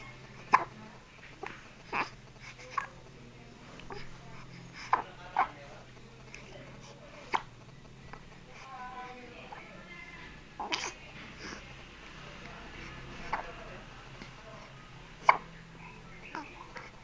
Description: baby is having hiccups